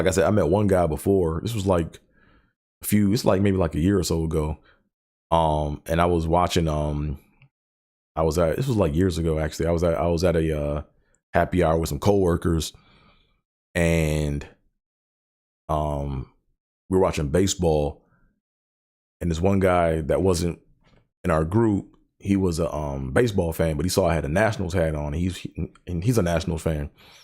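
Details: Adult who has stuttered for decades, describes it as traumatizing; stuttering.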